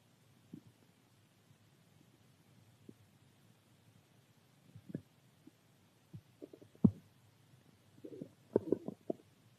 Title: Stomach growl